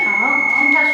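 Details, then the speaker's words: First aid training class: an AED is opened and switched on, and a steady high-pitched electronic power-on tone sounds with faint voices underneath. "ها هو جهاز الإنعاش القلبي الرئوي الآلي (AED) . افتحه. تشغيل. شغّله، شغّله."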